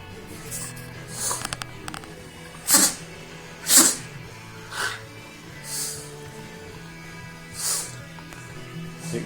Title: sneezing dog